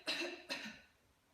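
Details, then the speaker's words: Nursing demonstration of coughing exercises: the seated patient breathes deeply three times, then inhales through the nose and gives two strong, short, staccato voluntary coughs in quick succession. "bireye üç kez dondum egzersizlerinde olduğu gibi nefes alıp vermesini söyler 13 nefes ten sonra Burnundan nefes alarak güçlü ve kesik kesik öksürmesinin söyler"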